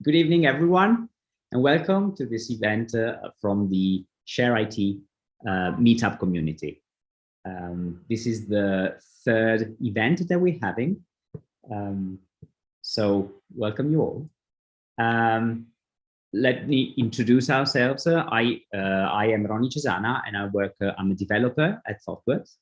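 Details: Adult male speaker; normal speech.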